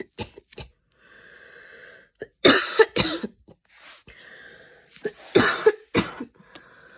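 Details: Coughing fit after an evening run in cold air during a mild asthma attack: repeated harsh coughing bursts separated by high-pitched, whistling wheezy breaths in a small room.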